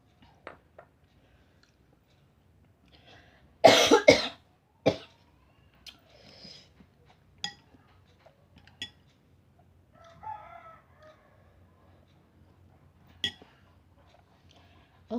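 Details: Coughing and choking while eating spicy seblak during a mukbang: a burst of loud harsh coughs, then a few smaller coughs and throat sounds, with eating noises in a quiet room.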